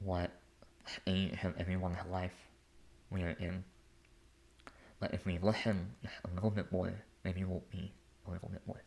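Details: Adult male artist and conductor with a lifelong speech impediment; speech impediment.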